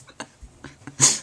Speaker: oh um guys i just woke up and i'm sneezing i'm in a massive sneezing fit and i don't like it when there's about the one come and then it doesn't come